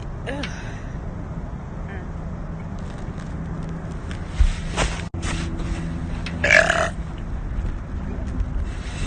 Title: random woman burping compilation 4